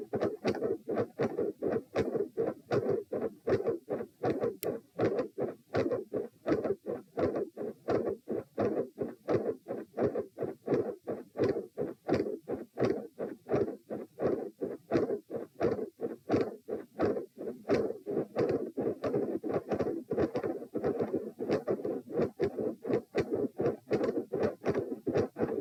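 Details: Steady, regular heart sounds at about 80 beats a minute, recorded lying down in position P during repeated Valsalva maneuvers.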